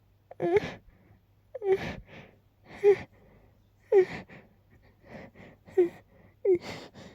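About six repeated, voiced, sharp gasping inhalations with short pauses, the build-up before a sneeze; no clear full sneeze heard.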